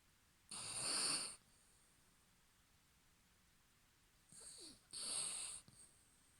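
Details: A dog named Toby snoring while asleep at the end of the owner's bed at night: a few breathy, hissing snore-like breaths in a quiet room.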